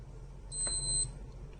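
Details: Single short high-pitched beep from a Dr Trust home blood glucose meter as a second test strip is inserted for a repeat reading from the same fingertip blood sample; first reading was 104.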